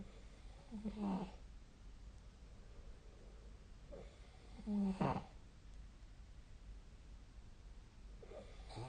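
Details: Light sleep snoring: short, soft snorting snores about every four seconds, some with a brief whistling or groaning note, in a quiet room.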